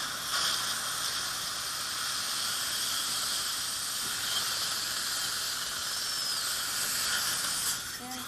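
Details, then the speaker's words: Flapless one-piece ceramic implant placement in the upper right jaw, at a site sinus-grafted 8–9 months earlier: final 3.25 osteotomy drill before the countersink, with a steady high-pitched hiss and whine under water irrigation. "now we just go to our last drill which is a teenage 325 and then we do a countersink turn away please open wide just make sure it's powerful every time you take the drill in the osteotomy so you don't go others are fine go"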